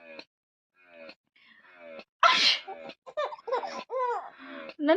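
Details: A mother sneezes once, loudly and forcefully, during quiet talk, and her baby girl follows with laughing, playful vocalizing: sneezing.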